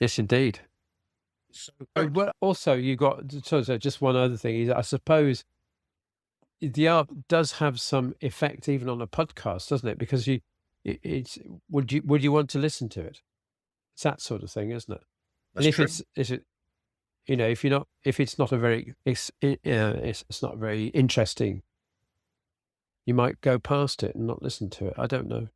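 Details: Aphasia following a sudden stroke in an adult man, treated with speech and language therapy and early vocabulary flashcard practice; spontaneous speech.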